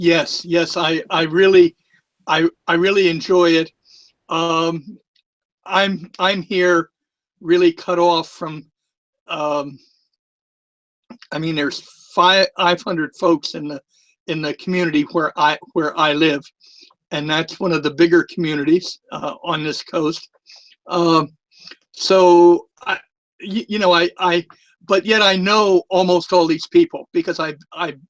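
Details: Long-standing stuttering with a lisp in a retired adult man; he says both are more noticeable with the microphone close to his mouth.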